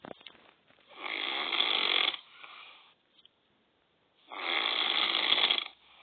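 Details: Two long, loud, rattling breaths about three seconds apart, quieter breathing between, from a snoring father; snoring.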